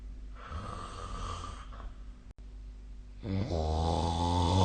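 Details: Snoring sleep sound from a nightly recording, dated 2025/04/06.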